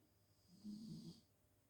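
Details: Sleeping female, possibly dreaming, snoring: a single soft, low rumbling snore on one breath, with quiet room noise; ordinary snoring during sleep.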